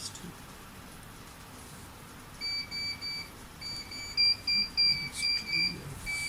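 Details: Repeated high-pitched electronic beeps over room noise from a neonatal nasal CPAP device alarming during setup in a training demonstration; device alarm.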